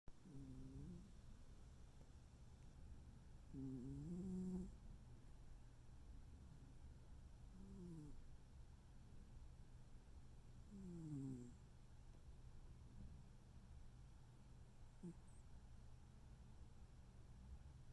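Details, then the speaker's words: Sleeping male pet: soft, low snoring breaths every few seconds, about thirteen a minute, over a steady room hum; gentle snoring. "You snore more than I do."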